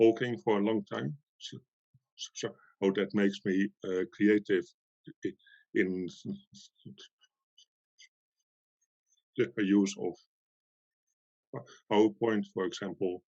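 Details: Stuttering in a woman who stutters, with sound repetitions and part-word repetitions.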